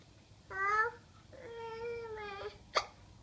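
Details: Hiccups from a one-year-old child being prompted to say watermelon.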